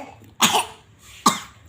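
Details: Young child coughs twice, short and sharp, right after drinking straight from a bottle the child cannot yet manage; cough after drinking.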